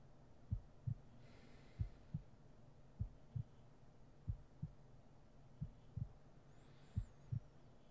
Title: Sleeping With Your Boyfriend (M4A) (Sleep Aid) (Heart Beat Noises) ASMR RP